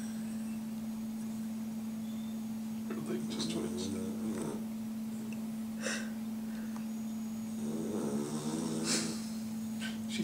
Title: snoring pup